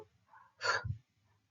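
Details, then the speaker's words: One deep, forceful, noisy breath against a quiet background, demonstrated in a vital-signs class: Kussmaul breathing, deep labored respiration. "O sea que cuando el paciente inspira inspira de forma profunda y haciendo ruido de esta forma eso es la respiración de cusma"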